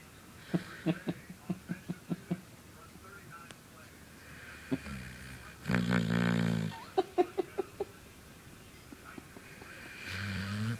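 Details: Snoring from someone.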